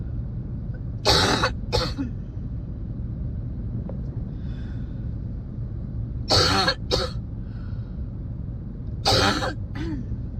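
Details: Person with a spring cold coughing while driving: three pairs of harsh coughs over steady car engine noise; repeated coughing bouts.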